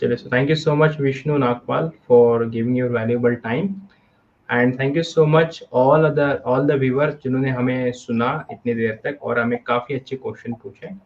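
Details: Adult male speaker; no disorder.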